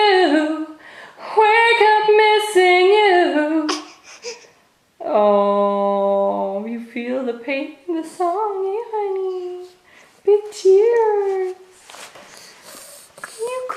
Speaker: cry oh you crying monkey okay mommy's done okay it's just a song